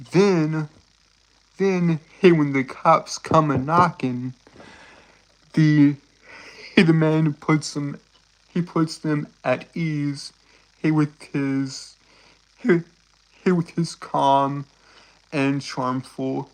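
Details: Stuttering in a male streamer who says he has a speech impediment causing him to stutter, trip over and repeat words; this stretch has repeated words and phrases.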